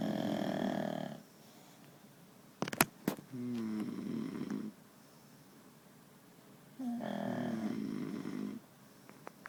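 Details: Ordinary snoring with two loud, rattling snores on inspiration, quieter noisy breaths and a few sharp clicks between them.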